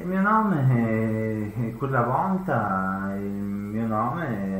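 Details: Acted portrayal of an acquired language disorder with comprehension worse than verbal production; Wernicke's (sensory) aphasia.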